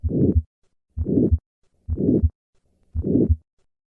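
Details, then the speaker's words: Aortic stenosis murmur: a harsh crescendo-decrescendo systolic murmur at about 62 beats a minute with a faint second heart sound. "in some patients the murmur of aortic stenosis may be heard at the cardiac apex with a higher pitch"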